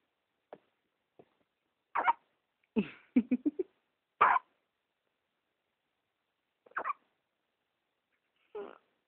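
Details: A dog makes abrupt, brief gulping chirps, about ten in nine seconds at uneven spacing, some in a quick cluster: hiccups in a quiet room.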